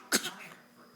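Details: Child's single short, breathy fake cough made on purpose as play while an adult coaxes it: voluntary cough.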